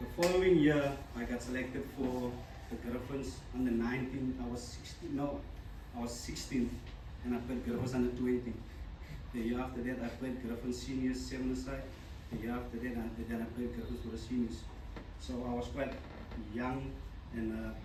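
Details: Adult man, a former rugby sevens player, who stutters. He says his stutter began in childhood and was very severe then. Finding: stuttering.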